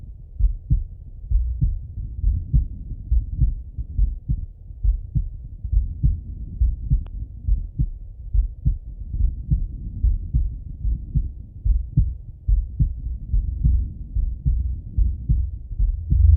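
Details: Male heart auscultated with a stethoscope: steady low lub-dub about 70 a minute, regular rhythm; normal heart sounds.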